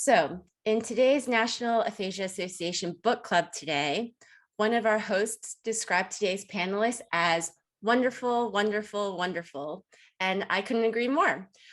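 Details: Adult woman; typical speech.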